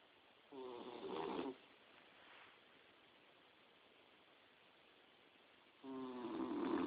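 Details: Boxer puppy about 4–5 months old napping in bed: two buzzing, fluttering snores about five seconds apart with quiet breathing between.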